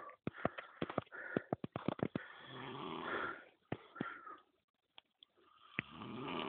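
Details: Rough, rattling snoring with snorts, sharp clicks and some whistling, from a man asleep by a campfire while fishing with tip-up flags, after 0.7 l.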